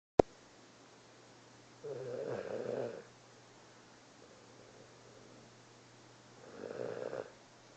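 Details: Sleeping cat napping after a long day: two soft, rough snoring breaths about five seconds apart against a quiet background hum; snoring.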